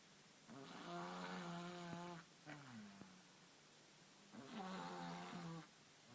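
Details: Snoring heard at night as an unfamiliar sound: loud, buzzing, tonal snores on each breath in, with a softer sighing breath out between them.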